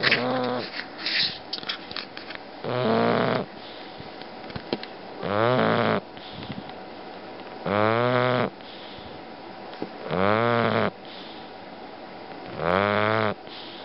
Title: Bully Snoring